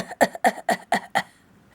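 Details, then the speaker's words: A rapid run of five short coughs, a brief pause, then another begins: an adult woman with cystic fibrosis in a hard coughing fit, chest feeling tight tonight, fearing she cannot breathe back in; cough. "and then I take a deep breath in and then more coughing well that first like cough fit part before I took another deep breath in I sometimes it feels like I'm not going to be able to breathe back in"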